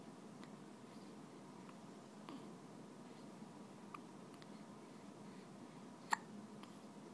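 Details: Faint, sharp, brief hiccup clicks recur about every second over steady room noise, with one louder near the end; soft hiccups.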